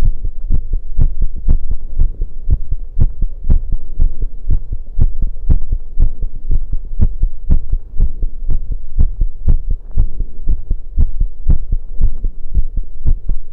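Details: Heartbeat recorded after running: fast, strong beats at about 120 per minute, a normal quickened rate after exercise.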